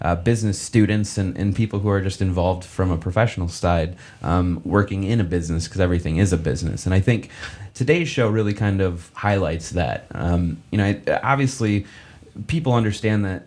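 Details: Adult man speaking; conversational speech.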